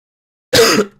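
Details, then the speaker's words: A single short, loud cough from an adult man who says he is still a bit ill. "Entschuldigung, ich bin immer noch ein bisschen krank."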